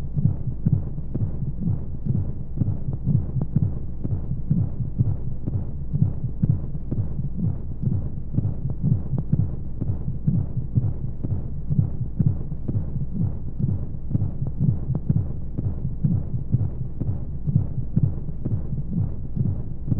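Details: Womb-sound sleep aid for babies with white noise: steady low muffled thumping heartbeat at a regular rate under a whooshing rumble of monotonous flowing sounds, as heard inside the womb.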